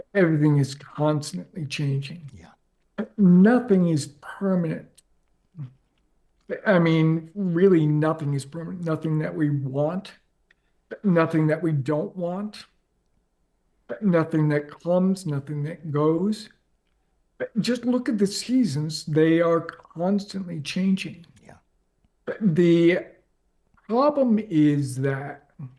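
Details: Adult man with ALS diagnosed four and a half years ago, advanced and nearing end stage: onset right calf, spreading through legs, core, arms and hands, now neck deep with difficulty speaking and breathing; speaks using a ventilator; dysarthria in amyotrophic lateral sclerosis.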